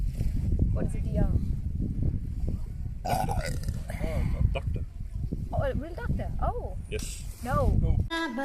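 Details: Several drawn-out, voiced, rumbling belches over steady low background noise; repeated burping.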